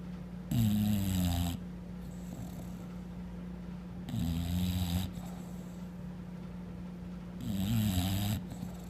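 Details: Bulldog asleep on the bed: loud, rumbling snores recurring about every 3.5 seconds, about 17 a minute, with quiet gaps between.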